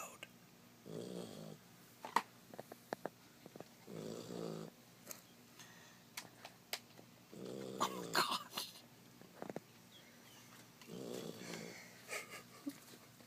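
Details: Sleeping dog named Bear snoring: loud rattling snores, four long inhalations in about thirteen seconds, small clicks and room noises between.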